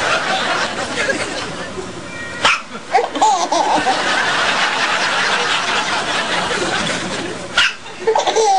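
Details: Baby with hiccups, possibly after eating too fast or too much; another person finds it funny. Repeated hiccup sounds.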